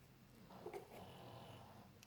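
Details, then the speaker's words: Sleeping pet dog snores loudly in the background of a quiet room during crafting, giving low, rumbling, drawn-out snores with faint room noise. "my dogs really snoring loud hopefully it's not catching too much on the camera"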